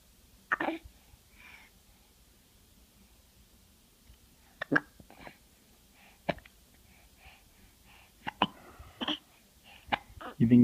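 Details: Baby girl with hiccups, said to hate them: repeated brief, abrupt hiccup sounds every one to two seconds, mixed with soft voice sounds in a quiet room.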